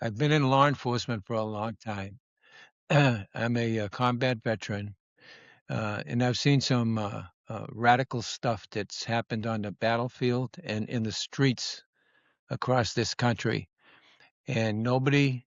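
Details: Adult man speaking; Normal adult speech.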